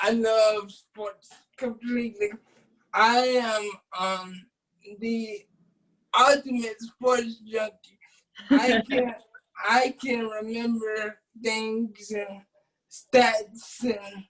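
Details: Adult man with cerebral palsy since birth, wheelchair user, whose family was told at birth he would not be able to speak; dysarthria in cerebral palsy.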